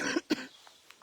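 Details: Woman with a lingering, "horrible" cough that worsens with a dry mouth when she talks, during an outdoor live stream: a single short, dry cough after brief speech in a quiet outdoor setting.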